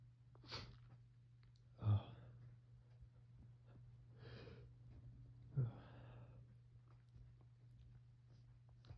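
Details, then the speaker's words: Fall allergy sneezing just after waking in the morning, after a five-day break; suspected mold from dead leaves or ragweed, itchy nose: four sharp sneezes with brief breaths between, over a steady hum. "I wasn't uh having any allergy flare ups and then I'm going to sneeze. Got to sneeze."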